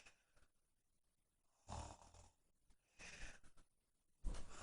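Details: Young woman snoring in sleep: three low, rough rumbling breaths separated by quiet pauses.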